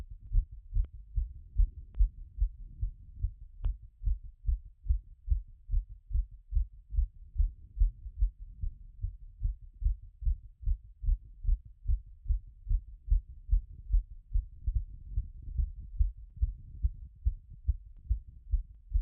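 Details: Own heart auscultated after a workout; rate had peaked around 180 but settled: strong, regular low heartbeats about 70 to 75 a minute, steady throughout.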